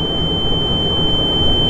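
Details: A steady, high-pitched ringing tone over low room rumble in an animated comedy short, imitating tinnitus; simulated tinnitus (ear ringing), not a real recording.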